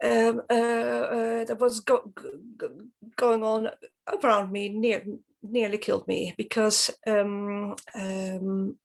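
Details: Adult woman from Sweden who stutters, has learned speech techniques and accepts her stutter; stuttering.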